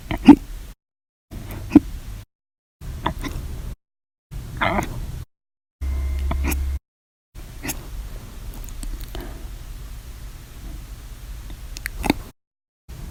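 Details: Violent, loud hiccups in a series recorded 7/26/19–7/31/19, each episode lasting hours after meals and soda: sharp, abrupt gulps repeating irregularly between recording cuts, with quiet room noise.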